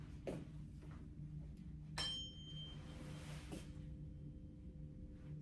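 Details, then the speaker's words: Weber test during a nurse practitioner's wellness exam: a tuning fork is struck, giving a clean ringing tone that slowly fades; the patient hears it in both ears, which is normal. "this is the Weber and Ryan test what this basically is I'm just gonna hit it and you're going to tell me where you hear it okay"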